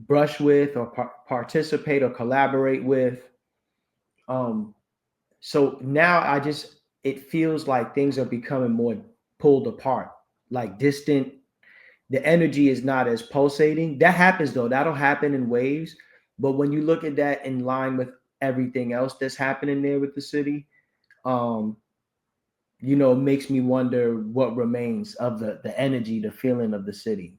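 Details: Adult male speaker; typical speech.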